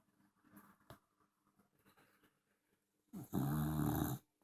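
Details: Dachshund snoring loudly: faint breathing noises, then one loud, rattling, slightly whistling snore lasting about a second; snoring in a small dog.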